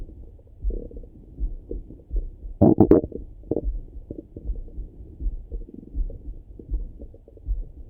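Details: Person's own morning stomach rumbling through a stethoscope: low gurgling and rumbling with one louder burst of bubbling, ordinary bowel sounds (borborygmi).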